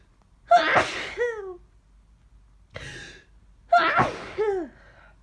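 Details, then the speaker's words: Person with aches, sore throat and headache, suspecting a cold or flu, sneezing all morning: two forceful sneezes with sharp voiced intake and falling vocal tail, sniff between; sneezing. "I've been sneezing like this all morning. I don't know. What's wrong with me? I need. I think I'm getting sick."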